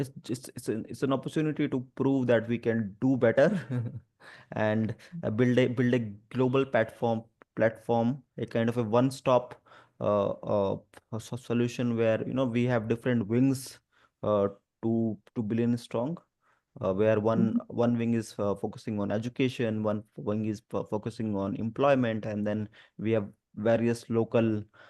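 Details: Adult speaker who stammers and stutters, especially on the 'through' sound and on his own name; real spontaneous speech; stuttering.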